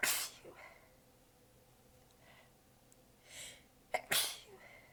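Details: Sneezing fit while exhausted with sore abs, sneezes partly held back: several in a row, two loud and one small and partly stifled, with quiet breaths between; clips recorded in different positions.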